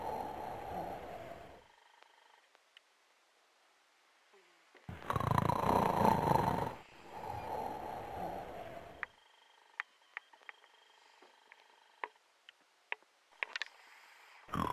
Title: Callie the snoring cat